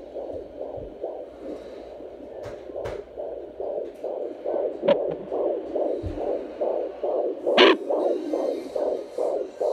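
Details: Fetal heartbeat of an unborn baby girl on a home Doppler: rapid, regular whooshing pulses at about 140 a minute.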